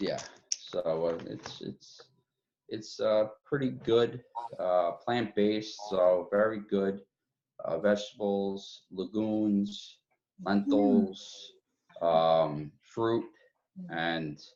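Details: Man with aphasia after a massive stroke about 2 years earlier, following two open-heart surgeries, receiving speech, occupational and physical therapy; aphasia.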